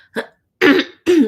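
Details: A woman with a lingering allergy-related cough from blooming trees clears her throat in three quick, rough bursts, a small one then two stronger ones, during a live broadcast.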